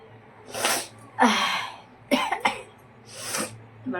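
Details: Woman trying to provoke sneezing with chili pepper, nose burning and running, says no sneeze came: a few sharp bursts of air with hissing noise, fitting sneezes or sneeze attempts, with a short pause between.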